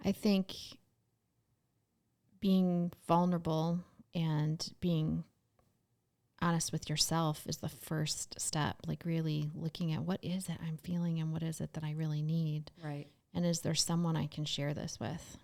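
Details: Adult woman speaking; normal speech.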